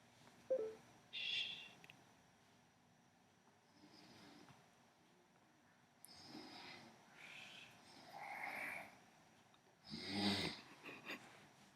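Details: A sleeping man's loud, irregular rasping and whistling snores separated by quiet pauses; heavy snoring.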